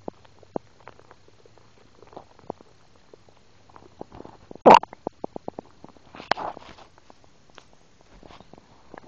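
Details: Bowel sounds in an 11-year-old girl after a large restaurant meal of steak and pizza: scattered clicks, pops and short gurgles from the stomach, typical of active digestion after eating.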